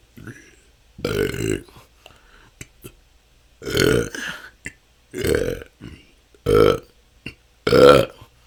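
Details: Repeated loud, throaty burps, about six in under ten seconds with short pauses, recorded continuously; the person says this can go on for hours and has been a struggle for the last couple of years. Excessive belching (eructation).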